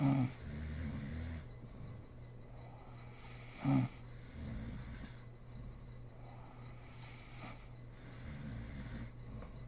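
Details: Snoring from a sleeping mother, recorded as an ASMR sleeping clip.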